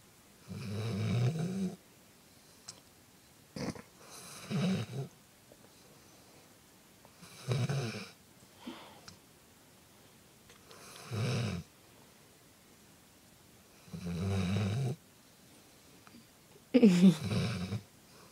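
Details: Dog sleeping, exhausted after agility: repeated low, rattling snores roughly every three seconds with quiet pauses between; ordinary snoring.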